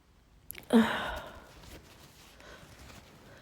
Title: stay at home cold sneezes 🤧 [F] - let out, messy, cold sneezes + nose blows